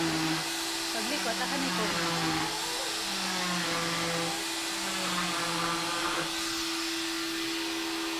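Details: Final leg cast removal on a son: a cast saw cuts through the leg cast with a steady high-pitched whining motor buzz whose tone shifts as the blade works.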